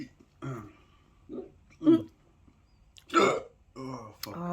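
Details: Several short, abrupt voiced hiccups, irregularly spaced over a few seconds, with brief vocal sounds between them, occurring while eating spicy food (bread with cheese); repeated hiccups.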